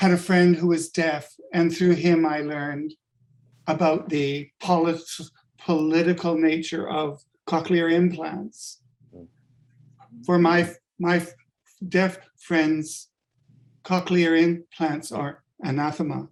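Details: Adult man with late-onset stuttering from functional neurological disorder; five years ago woke unable to speak with up to 20 seizures daily; speech regained but not fluency; adult-onset stuttering.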